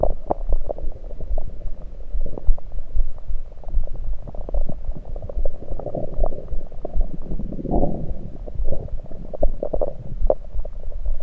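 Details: Abdominal gurgles recorded with a USB electronic stethoscope over the stomach, not during digestion but with liquids and air present: frequent low gurgles and bubbling, ordinary active bowel sounds.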